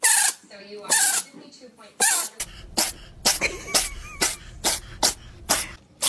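A run of short, sharp, hissing bursts, about a dozen in six seconds, like repeated small sneezes from a cat.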